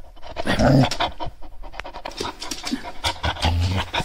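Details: Shar Pei dog panting: rapid, noisy open-mouthed breaths with some room noise.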